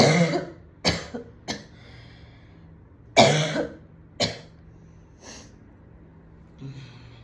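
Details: Woman coughing at home after smoking a cigarette with friends at a party; cough after smoking.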